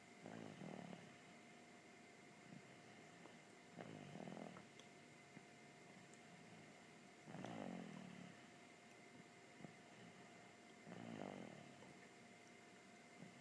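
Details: Snoring, recorded September 2014: regular low rattling snores about every 3.5 seconds, roughly 17 breaths a minute, over steady fan or air-conditioner hum.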